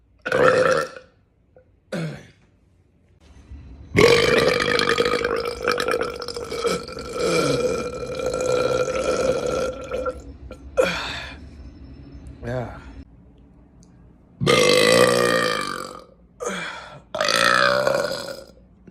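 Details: A man burping: a series of loud, prolonged burps, one drawn out for several seconds, with short gaps between them.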